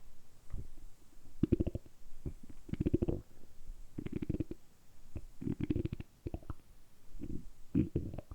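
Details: Deliberately produced stomach rumbling (borborygmi), kept up continuously for about 10 minutes in a close-up ASMR recording. Bursts of rapid bubbling gurgles recur every second or so, and the effort tired the abdominal muscles.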